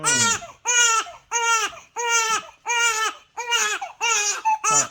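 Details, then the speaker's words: Rhythmic, repeated wailing cries from a 4-week-old newborn, about 90 bursts a minute with short gasps between, just before bottle feeding and burping: hunger cry. "배가 고팠지요."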